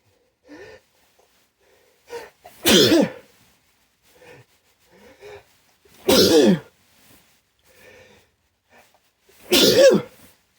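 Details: Sneezing triggered by chhinkni after white pepper stuck in the nose, burning with watering eyes: three loud, forceful sneezes, each led by catching gasps and breaths.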